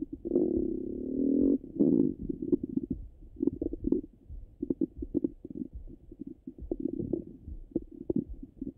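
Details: Stomach sounds heard through a stethoscope on the abdomen: low gurgling rumbles and bubbling pops; ordinary bowel sounds.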